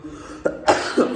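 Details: Cough in a speaker with an ongoing coughing problem, said to worsen especially when eating but now improving: two or three short, dry coughs in quick succession over faint room noise.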